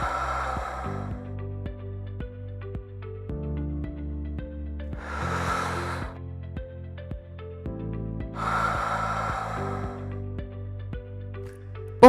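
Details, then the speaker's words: Breathing cycle of a prototype invasive mechanical ventilator developed during COVID-19, controlling tidal volume, pressures, respiratory rate, flow and oxygen percentage. Rhythmic hissing airflow bursts under loud background music. "De esta manera, el ventilador es capaz de replicar el ciclo natural de respiración de un ser humano."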